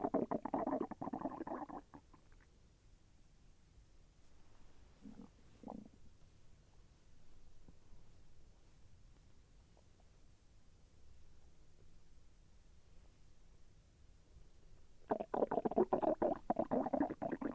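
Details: Self-recorded stomach growling during digestion, with slight pain as the intestine moved: low gurgling and rumbling bursts at the start and end, soft bubbling between; ordinary bowel sounds (borborygmi).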